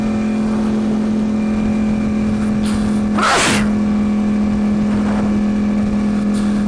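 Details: Motorcyclist with horrible allergies, riding with helmet on, gives one sharp, explosive sneeze muffled inside the helmet over steady engine drone.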